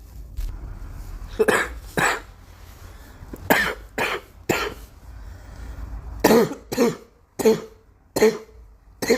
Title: Girl coughing 281